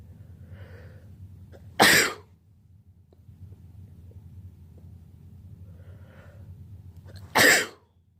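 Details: Person with allergies sneezing on their birthday: two sharp explosive sneezes about five seconds apart in a quiet room, faint intake of breath before each; allergy sneezing.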